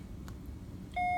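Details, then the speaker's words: Medfusion 3500 syringe pump powering on after syringe loaded, warming up: faint room noise, then a steady electronic beep. "so after I've kind of set it up that way I turn it on and it takes a little bit to warm up"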